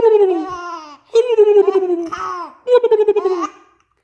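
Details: High-pitched child giggling broken by a few abrupt catches in the breath; hiccups interrupting laughter.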